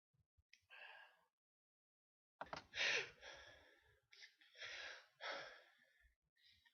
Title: Sneezes